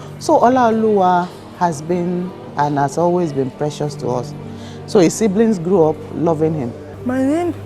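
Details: Adult woman speaking over background music; ordinary speech.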